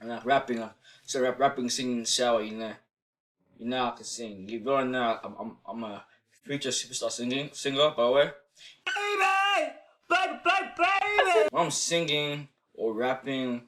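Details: Stuttering in a 16-year-old male, who says he stutters in normal conversation but not when singing or rapping.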